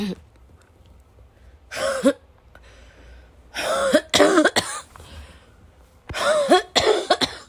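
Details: Acted bouts of repeated harsh, chesty coughing with throat clearing and snorting, about four coughs per bout, imitating a wet, chesty cough.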